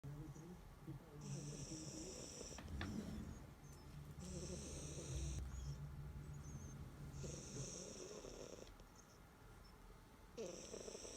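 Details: 3-year-old cat napping, snoring daily since kittenhood, with snore fluctuations that worry the owner; rhythmic low rattly snores with hissy exhalations, about 16 breaths a minute: snoring.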